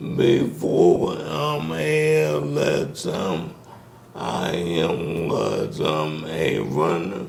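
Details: Dysarthria in a man with ALS diagnosed in 2020; symptoms began in 2017, with the disease first affecting his speech, starting with a raspy voice.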